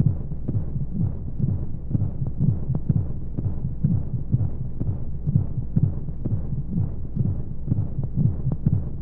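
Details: Baby sleep-aid womb sound with white noise: steady, muffled low heartbeat thumps, roughly 125 a minute, as heard inside the womb, under a soft hum.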